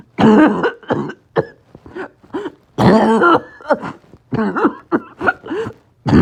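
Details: Rapid back-to-back harsh, barking coughs with gasping breaths between them. Coughing spasm in COPD with low oxygen and extreme shortness of breath.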